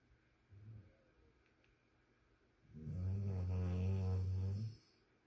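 A brief soft low sound, then one long, loud, rumbling snore on a single drawn breath with a steady buzzing low tone.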